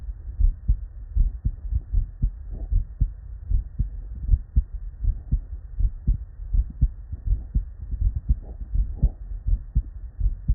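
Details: Real bedside human auscultation from patients with normal cardiac physiology: steady lub-dub around 80 beats a minute with clear first and second sounds; normal heart sounds (S1 and S2).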